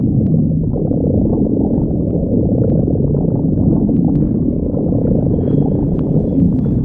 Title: stomach growling